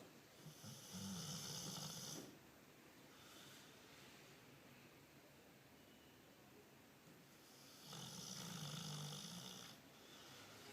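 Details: Snoring in a sleeping dog, recorded May 2013: two long, rough, rattling snores separated by quieter breathing.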